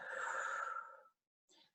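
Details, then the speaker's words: A respiratory physiotherapist demonstrates lateral costal deep breathing with a long, steady breath out through the mouth that fades into silence, then a short soft breath. "you will start with your with four deep breaths so your normal deep breaths like you did either diaphragmatic or lateral costal so I'm going to do lateral costal breathing"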